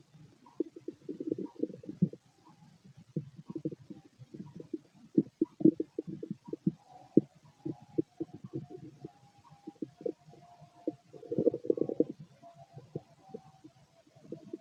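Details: Empty-stomach bowel sounds (borborygmi): continuous gurgling, bubbling and rumbling with frequent crackly bursts.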